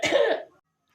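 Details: A single short, acted cough, muffled by coughing into the inside of clothing, in a cough etiquette demonstration on covering the nose and mouth.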